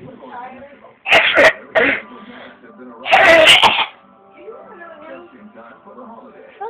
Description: hula hoopin and me coughing...badly XD